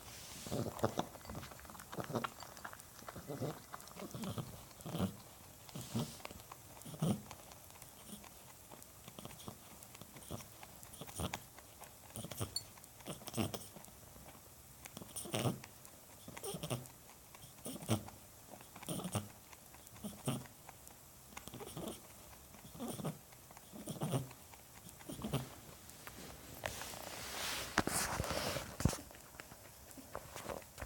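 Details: Pet wheezing: rapid, rhythmic noisy breaths with a rough, raspy quality.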